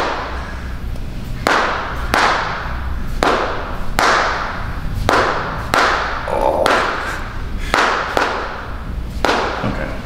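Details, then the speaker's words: Series of sharp loud thumps as the drop-table section falls under each thrust during chiropractic adjustment of the upper and lateral back of a 6'8", 420-pound strongman. "so so the guy you typically see gets it there and it drops and that's what gives you the most benefit i think"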